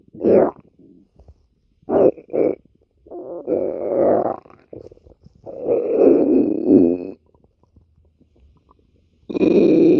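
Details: A woman's stomach growling (borborygmi).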